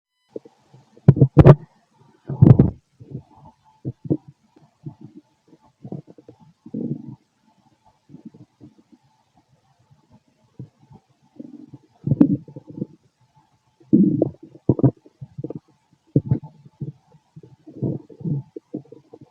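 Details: Fit adult male, stethoscope on the abdomen: frequent low gurgles and bubbling bursts, active normal bowel sounds.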